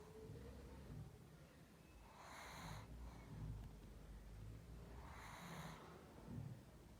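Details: Sleeping pug: two noisy, hissy snorting breaths about three seconds apart over soft low snuffling; snorting and snoring during sleep.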